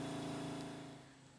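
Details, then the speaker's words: Low, quiet, steady motor hum, fading slightly: a Flexitouch Plus pneumatic compression pump starting to inflate leg garments to massage the legs of a woman with lipedema/lymphedema, lying legs up and head down. "And then maybe you can hear it, it's starting to inflate, and it's just going to gently massage my legs. You can also notice how quiet it is."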